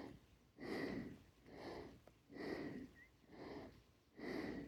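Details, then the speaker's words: Fast, labored breaths at about 34 a minute with a faint whistling edge after a short backyard garden walk, in a person whose cancer affects the lungs; wheezy breathlessness on exertion. "you can hear me wheezing pretty bad in the videos I was just struggling to catch my breath"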